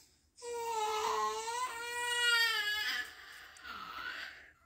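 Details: Two-month-old baby crying in sustained, wavering wails that taper into softer fussing while his one-year-old brother tries to soothe him with a pacifier.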